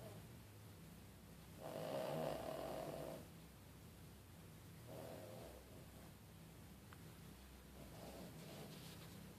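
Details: Snoring like a freight train: soft rumbling inhaled snores about every three seconds over steady low background hiss; ordinary snoring.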